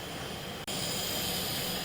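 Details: Nebulizer compressor running, shown by a respiratory therapist.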